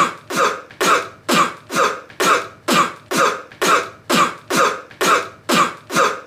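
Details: Thirteen sharp, dry-sounding coughs in steady rapid succession, about two a second, with no pauses for breath.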